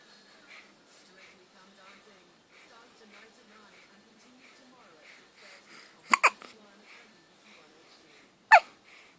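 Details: Soft murmuring with a few sharp, abrupt catches of breath; hiccups.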